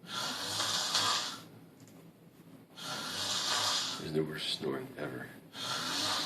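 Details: Person snoring loudly: harsh snore on each breath in, quieter breath out between, roughly 20 breaths a minute.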